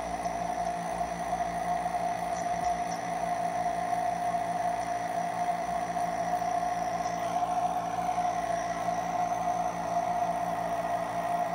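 Steady mechanical hum and whine with constant hissing, unchanged throughout; a nebulizer compressor running.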